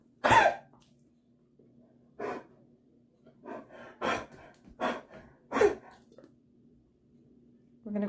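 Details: Dog Maggie with bad allergies and a hacking cough that mimics kennel cough, on Benadryl and finishing Augmentin, kennel cough from walks not ruled out: series of harsh hacking cough bursts, allergic hacking cough.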